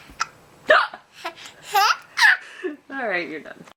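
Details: Hiccups being copied by another person: several abrupt, catchy vocal hiccup sounds mixed with laughter and babble; ordinary hiccups.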